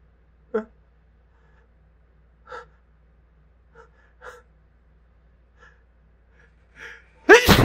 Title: Pepper/spice hitchy sneezes